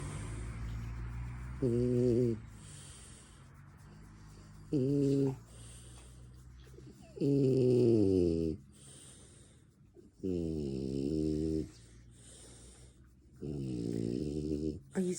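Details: Awake French Bulldog snoring: repeated loud, rattling snores on each in-breath, about 20 a minute, while the dog is awake.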